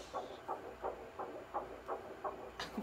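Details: Early-pregnancy ultrasound of a small fetus, possibly a boy: rapid, regular whooshing pulses at about 170 beats a minute; fetal heartbeat.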